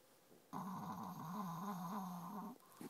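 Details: Female dog snoring in the morning while asleep under a desk: a long, steady, buzzing rumble of about two seconds, wavering slightly in pitch.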